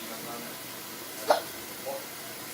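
A single abrupt, short vocal catch and a fainter second one over steady background hiss, consistent with hiccups.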